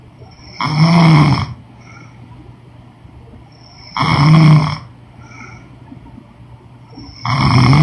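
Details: Woman snoring during sleep: loud, rumbling snores on each in-breath, about 18 a minute, with a soft whistling note between them; snoring.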